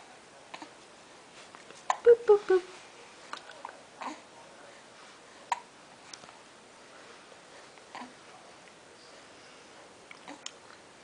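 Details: Baby boy aged 6 weeks 3 days with hiccups: a few short, sharp hiccups with soft babbling and quiet room noise.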